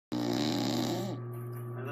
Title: My mom snores ALOT